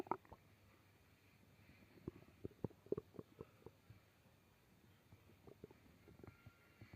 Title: Stomach growl